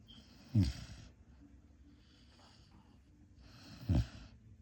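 Two short rattling snorts on breathing in, each followed by a long airy breath out, in a quiet room.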